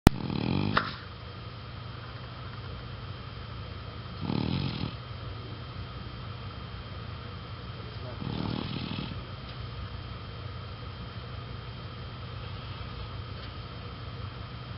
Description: Ashley, our 10 year old black female chow chow, having a nap, with resonant snores.